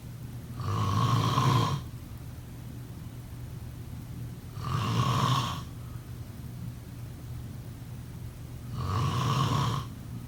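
Three rattling snores about four seconds apart, roughly 15 breaths a minute, with quiet gaps between them. Steady snoring during sleep.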